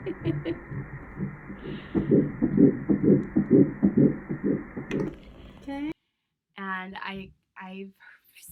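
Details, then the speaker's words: Fetal heartbeat at about 8 weeks of a first pregnancy on transvaginal ultrasound: rapid whooshing pulses, about 128 a minute, then brief speech; the first time the mother heard it. "that is where I heard my baby's heartbeat for the first time ever"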